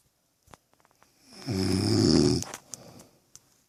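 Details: Woman (girlfriend) snoring: a single loud, fluttering snore lasting about a second, with faint clicks and rustling around it.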